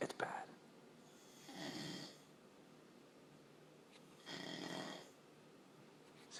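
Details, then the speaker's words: Snoring from a man on vacation, described as loud like a race car or a bear: two slow, airy snores about a second long with quiet gaps between. "I know it's bad to make about but it snores like a goddamn bear he's in like freaking goddamn hibernation"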